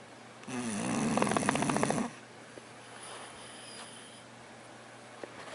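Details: English Bulldog in a deep sleep snoring: one long, loud, rattling snore followed by quieter breathing in a room; snoring.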